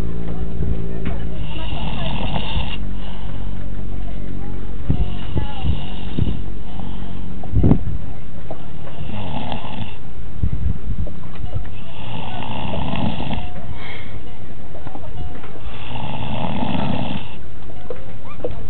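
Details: Elderly grandfather sleeping: loud, rhythmic, rattling snoring, five snores in about 19 seconds, over a steady low background hum.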